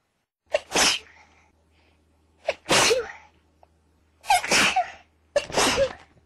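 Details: Run of repeated sneezing: four explosive sneezes, each with a quick sharp intake before the burst, spaced a second or two apart.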